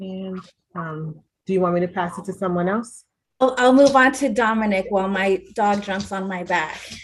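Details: Adult woman speaking; ordinary speech.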